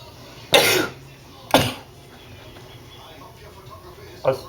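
Three short, harsh, dry coughs, the first two about a second apart and the third after a pause, with faint room noise.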